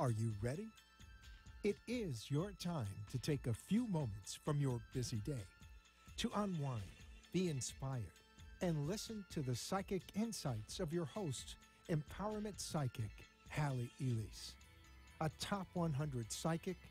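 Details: Adult announcer; normal voice.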